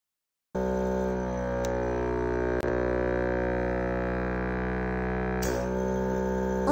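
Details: Loud, steady, constant-pitch motor drone of a portable sputum suction machine, bought for the user's own airway suctioning after pneumonia with cough-induced stress fracture, with a separate suction catheter, running on mains or eight AA batteries; machine running.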